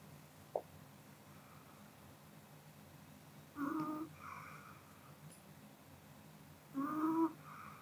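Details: Sleeping Pomeranian dog: quiet sleeping breaths with two soft, whistling nasal snores about three seconds apart in a quiet room; snoring.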